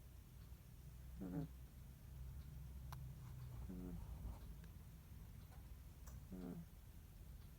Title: イビキをかいて寝る赤ちゃん~snoring baby~